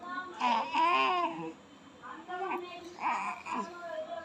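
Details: Three-month-old baby cooing: soft drawn-out vowel sounds rising and falling in a quiet room, a normal early vocal stage.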